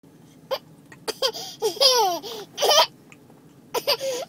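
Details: Person laughing at a dog while having hiccups: abrupt, sharp, catching vocal bursts mixed with bouts of giggling laughter, hiccups interrupting laughter.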